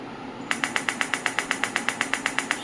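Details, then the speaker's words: Biotronix PEMT loop-applicator pulsed electromagnetic field therapy machine switched to 8 Hz: an even train of sharp clicking pulses about eight per second that starts abruptly. "you can hear the same. This is the 8 hertz pulse PEMF therapy."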